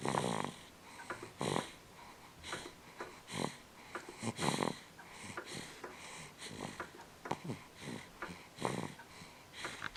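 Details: Sleeping dog snoring: repeated short, rattling, some whistly breath noises at an irregular rhythm in a quiet room.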